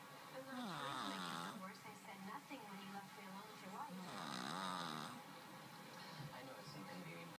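A cat snores in two slow, drawn-out, buzzing breaths with a gently rising and falling pitch, about 17 a minute; snoring.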